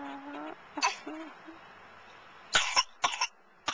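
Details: A brief child's voice, then a few short, light dry coughs in a quiet room, recorded on a Flip Video camcorder; a small cough.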